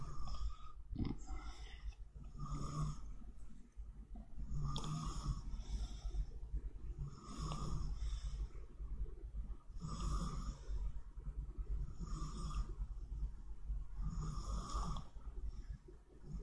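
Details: Man snoring during a live-streamed snoring contest: regular, rattling low snores recurring every two to three seconds with each breath, over steady room noise.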